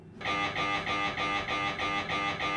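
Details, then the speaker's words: Loud, rhythmic buzzing pulses repeating steadily: normal MRI scanner noise heard by a patient in the tunnel during an exam lasting about 45 minutes, occurring off and on between silences. "you might even fall asleep ah oh I forgot the MRI makes a little noise"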